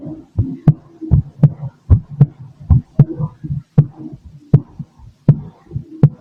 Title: MY BEATING HEART 🫀🫀🫀 #heart #heartbeat #auscultation #stethoscope